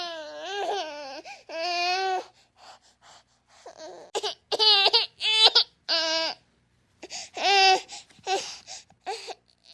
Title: EFEITO SONORO - Choro de Bebe BB baby cry